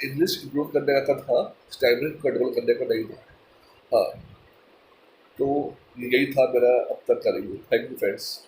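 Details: Stammering in a person who stammers, speaking mixed Hindi and English; finding: stammering.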